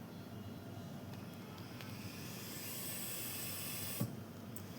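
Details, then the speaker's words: GE CARESCAPE R860 ventilator running its pre-use pre-check in adult mode with test tubing: steady hiss of gas flow slowly rising, with a brief click near the end. "সবকিছু check করে। Oxygen তারপর এখানে যতগুলো আছে সবগুলো check করে check করার পর যদি সবগুলো সঠিক থাকে ঠিক থাকে তাহলে ওটা প্রিচেক দেখাবে যে হ্যা এটা প্রিচেক হয়ে গেছে"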